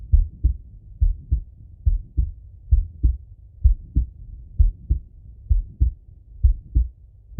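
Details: Male heartbeat auscultated through a stethoscope: steady paired lub-dub heart sounds at about 65 a minute with faint breathing; normal heart sounds.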